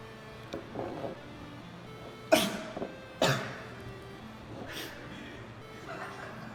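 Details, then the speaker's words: Staged sneezes in a prank: two sharp, forceful sneeze bursts close together over faint background music and room noise. "Sneezing all over somebody like Oh, my that? bad. Forgot to hold my nose. Oh, God. He sneezed."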